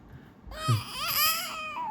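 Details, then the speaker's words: Young infant with cough and fever after recent injections: strong, rising and falling wail in a small room; caregiver says he is crying deliberately; infant cry. "भैया भैया मेरा बेटा भैया मेरा बाबू किसका बाबू है अब जानबूझ के रो रहा है इसका मैटर नहीं है रोने का"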